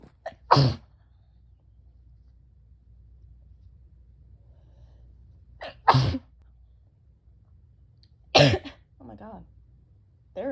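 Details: Person with bronchitis sneezing: three loud, explosive sneezes several seconds apart in a quiet room, each a sharp burst of air, with a brief voiced sound after the third.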